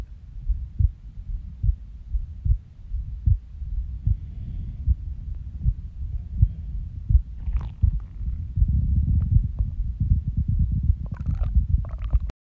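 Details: Resting heartbeat recorded after waking from a nap, when the heart started skipping. Soft low thumps at about 77 a minute with uneven spacing, then gurgling stomach rumbles late on; irregular heartbeat with skipped beats.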